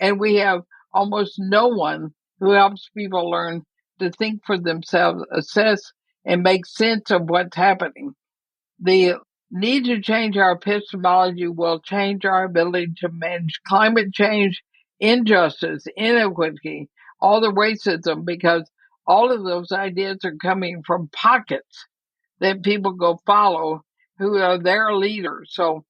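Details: Woman near 80 diagnosed with ALS (Lou Gehrig's disease); she reports quite a bit of speech trouble but feels still intelligible; dysarthria (ALS).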